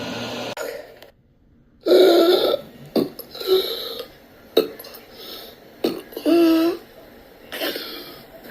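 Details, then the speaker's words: Repeated abrupt gulping throat spasms with strained, voiced gasps between them, in an adult with diagnosed persistent intractable hiccups since 2015, recorded in 2019 during a bout of severe choking spasms with hiccups. "Sunday, June 23rd, 2019. I've been having mega choking spasms. Some really bad ones in the last couple hours."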